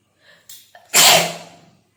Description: Today I'm doing Sneezing and Nose Blowing Challenge..